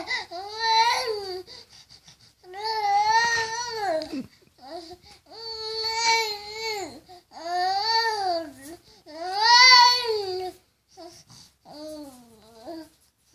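Repeated loud, drawn-out wailing cries from an infant with short breaths between them; a typical distressed baby cry.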